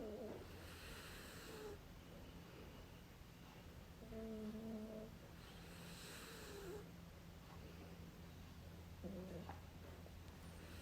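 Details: Snoring, recorded last year: slow rasping sleep breaths with faint tonal squeaks, about two cycles in ten seconds over a steady background hum.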